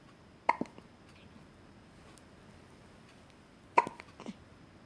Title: I haz the hiccups